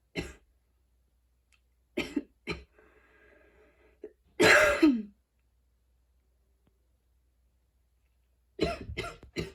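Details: Long coughing fit after a run, with freshly cut grass outside (allergies) and fatigue; an adult gives about seven harsh coughs with a thin whistling wheeze between bursts.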